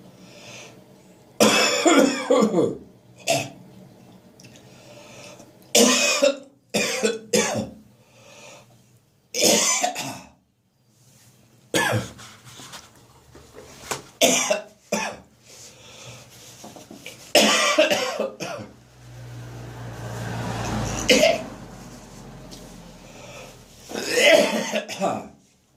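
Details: Morning cough in an adult whose chest reacts to cold, damp early-winter weather: repeated harsh coughs and throat clearing, with a drawn-out gagging, retching sound partway through.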